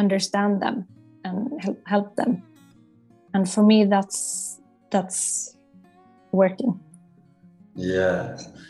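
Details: Adult psychologist who stutters, a client of a stuttering coaching program, with audible word repetitions; stuttering.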